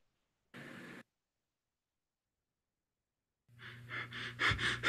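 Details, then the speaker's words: Cheyne-Stokes breathing played in a vital-signs lecture, linked to cardiac damage: a short breath, long silent apnea, then breaths gradually growing louder, waxing and waning between apneas. "Ya, aquí hay que escuchar esto que es importante, es similar a la respiración de biot, pero la diferencia es que es la respiración aumenta y disminuye y va lo que es el periodo de amia."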